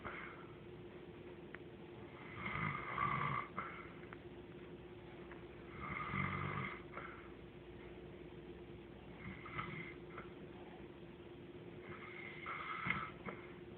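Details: Regular snoring at about 18 breaths a minute, each a rough rattle over a low background hum.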